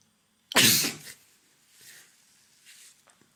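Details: Single loud, sharp sneeze, then faint breathing and sniffling in a quiet room.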